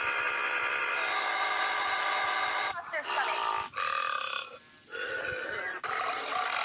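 A long, drawn-out belch followed by a few shorter voiced belching sounds.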